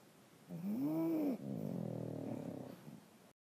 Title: Dueling Pug Snores